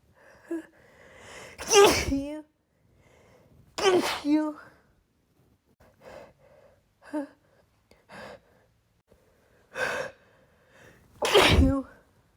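Repeated forceful sneezes, each led by a catching in-breath, with softer gasps between; about four strong sneezes in a rapid bout.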